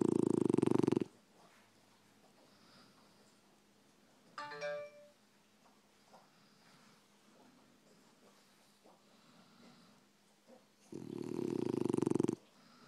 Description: French bulldog "Roxy" snoring..